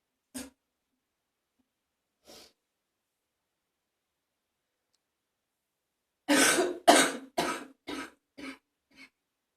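Two brief throat clears, then a burst of about six wet, rattly coughs; a productive cough bringing up phlegm.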